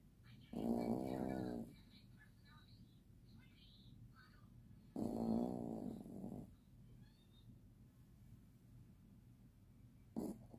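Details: Six-month-old Chihuahua puppy asleep after a busy day, snoring louder than a grown man: two long rattling, buzzing, vibrating breaths and a brief third, with quiet room noise between. Snoring.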